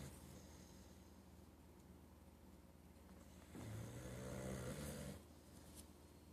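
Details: Boxer dog, worn out, snoring while asleep; one low, rumbling snore above a steady low background hum, with quieter breathing around it.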